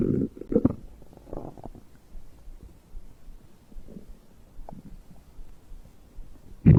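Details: Stomach growling recorded after drinking a beverage: gurgling rumbles at start and end with soft bubbling between, normal digestive bowel sounds.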